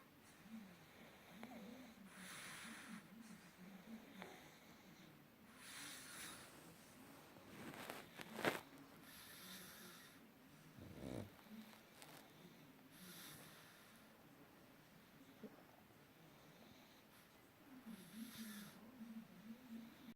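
Soft, repeated snorting snores with whistly breaths at about 12 breaths a minute: snoring in a flat-faced dog.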